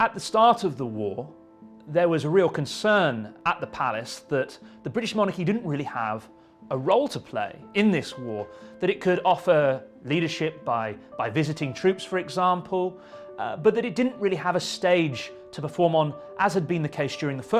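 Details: Adult speaker; Normal speech.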